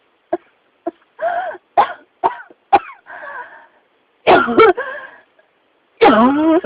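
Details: Persistent cough from pneumonia: a run of about eight coughs and throat-clearing efforts, some with rough, voiced tails.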